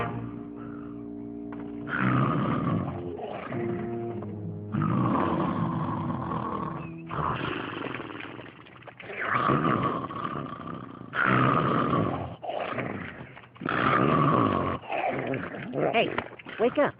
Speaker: Come on, you're snoring. Wake up. Daffy, wake up.